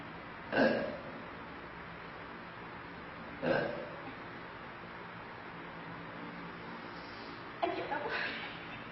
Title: girl burping stomach pain